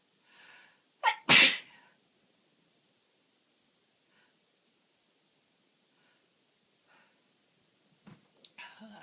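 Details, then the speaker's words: Adult with a cold, persistent uncontrollable sneezing, watering eyes and a sore throat: one strong, explosive sneeze after a quick intake of breath, then quiet breathing. "I was trying to say bless me and then a sneeze. God, I'm pathetic. Eyes watering. Permanently sneezing."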